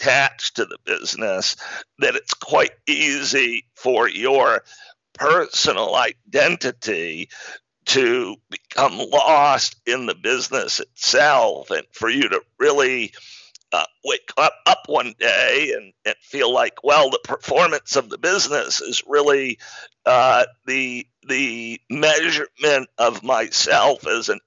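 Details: Adult man with spasmodic dysphonia, onset around 2010 and diagnosed in 2012, a rare neurological disorder causing partial voice loss; much improved over about a decade but voice still described as a bit unique; real; spasmodic dysphonia.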